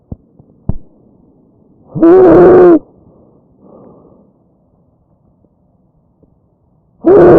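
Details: Loud, harsh, high-pitched musical sound on breathing in over the windpipe with quieter breathing out; tracheal stridor from a narrowed upper airway.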